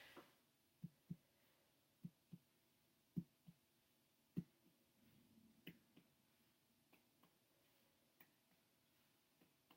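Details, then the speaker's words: Abdominal percussion on a 31-year-old male volunteer during a student head-to-toe exam: soft finger taps giving resonance over air-filled areas and dullness over the right upper quadrant (liver, span about 6–8 cm, normal) and left upper quadrant (spleen). "I'm gonna go ahead and do some percussion just listening over the areas that would have normally have air in them I will go here the resonance and then if I were to go over any organs or anything that I would think there's a mass or something it would be dullness"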